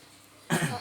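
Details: An adult father gives a single short cough after a quiet pause, and his baby laughs at it.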